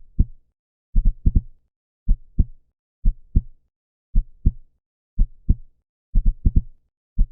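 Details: Human heartbeat sound effect, said to be 125 beats per minute: clear low lub-dub thumps in pairs, some pairs following closely in quick runs, over a silent background; normal heart sounds.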